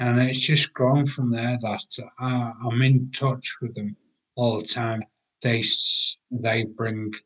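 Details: 43-year-old man with aphasia acquired after a major car accident about six and a half years earlier, with coma and 11 months in hospital; language breakdown and difficulty getting words out; aphasia.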